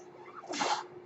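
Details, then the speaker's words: Speaker's own mechanical ventilator heard while talking on a podcast: a brief airy whoosh over quiet room noise, a single delivered breath. "That noise you're hearing is my ventilator."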